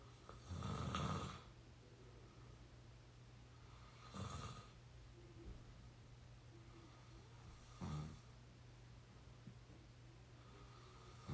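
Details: Exhausted 22-year-old asleep: three loud, rough snores on inhalation, roughly 16 a minute, over a steady low room hum; ordinary sleep snoring.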